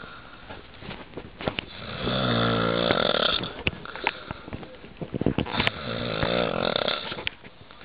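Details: Loud snoring: two drawn-out, buzzing, rattly breath sounds over steady background noise.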